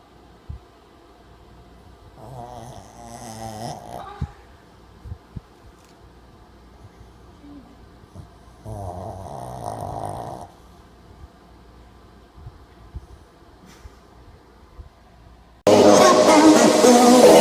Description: My dog is really snoring really loud.